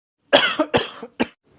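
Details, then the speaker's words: Three quick, harsh adult coughs in a row, acted in a comedy skit; the cough is blamed on a possible infection. "क्या है खांसी आ रही है क्या तुम्हें खुश तो रहने नहीं देती कम से कम खांसी ही आने दो अरे क्यों आ रही है खांसी इंफेक्शन हो गया होगा"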